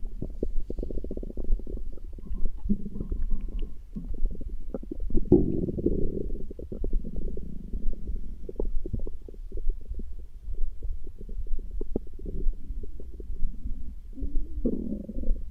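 Loud, continuous low gurgling and rumbling with bubbly surges; typical stomach growling from gas and fluid moving through the gut.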